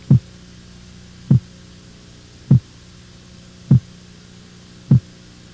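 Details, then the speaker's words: Normal heart sounds: regular low S1 and S2 thumps at about 50 a minute over a steady hum; the second sound, after a short silence, is from aortic and pulmonary valve closure, higher-pitched and shorter than the first. "bulha vem depois de um curto silêncio corresponde ao fechamento das válv aórtica e pulmonar o som da segunda bulha é mais agudo e sua duração é menor quando comparada à primeira"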